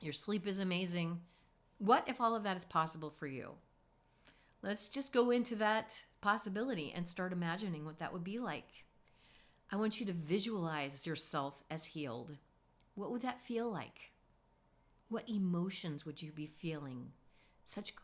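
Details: Adult woman speaking; normal adult female speech.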